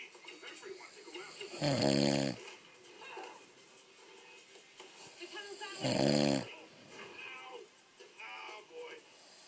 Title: My dad is snoring